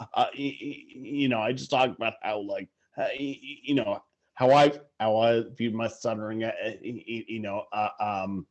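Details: Adult who stutters; stuttering.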